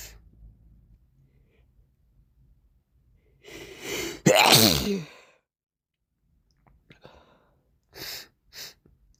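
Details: Morning sneezing with a snotty nose: a drawn-in breath, one forceful sneeze, then a few quiet sniffs.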